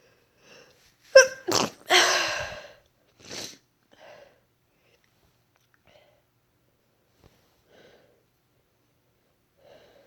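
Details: A quick build-up breath, then a sharp double sneeze with a longer blast and a few quiet breaths; deliberately induced sneezing, the first induced in months.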